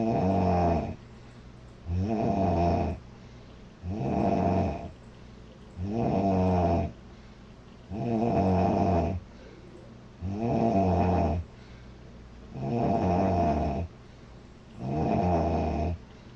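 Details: Girl snoring loudly: regular rumbling snores on each inhalation, about 28 a minute, with quiet exhalations between; heavy snoring.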